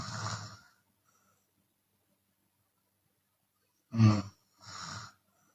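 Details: Chinese woman snoring with open mouth, sometimes on the exhale: three low, rough, rattling breath noises separated by a long pause; snoring during sleep.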